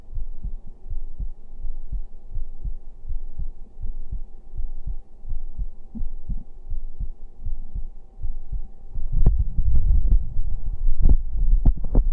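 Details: Livestreamer's own heartbeat played for ASMR-style listening during a late-night stream: soft, regular low thumps at roughly 60 beats a minute under a steady hum, rustling near the end; a normal heartbeat.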